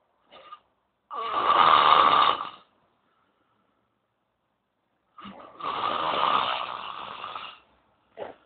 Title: roncando